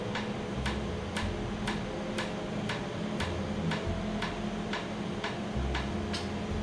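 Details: Laser tattoo removal session on skin numbed beforehand, with cooling air applied; the treated area was slightly raised and swollen afterwards: steady sharp ticking pulses about two per second over low hum; laser tattoo removal device firing.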